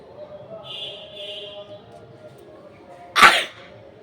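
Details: Woman's acted sneeze for a requested sneezing and nose-blowing challenge, recorded on a rooftop: a single sharp sneeze burst after a quiet lead-in, faint room noise.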